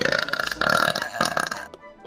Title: The Burps!